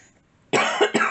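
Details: Two short, harsh cough bursts after brief silence from an adult with asthma flaring, hay fever and cat allergies, who says she is wheezing. Cough.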